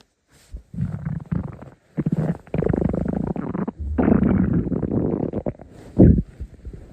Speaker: Yet again, my stomach growled for the 38th time.